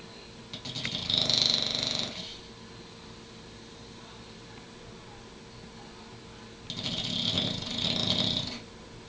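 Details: Snoring during sleep: two long, rough, rattling breaths a few seconds apart in a quiet room; often much louder than this.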